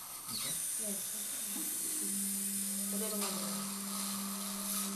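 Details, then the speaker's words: Steady mid-pitched whirring of an implant guide drill (Osstem/Hanaro kit) making the initial osteotomy in the anterior maxilla through a custom surgical stent, during implant placement with GBR for a fenestration defect. "an initial drilling using a guide drill made by Austin implant and included in the hana row kit drilling needs care"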